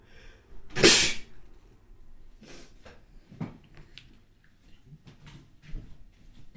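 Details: A single loud, explosive spray sneeze with a short inhaled lead-in, followed by faint breathing and small movement noises in a quiet room.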